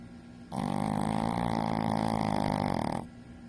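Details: Sleeping Shih Tzu dog: one long, loud, fluttering rattle on a breath lasting about two and a half seconds; dog snoring.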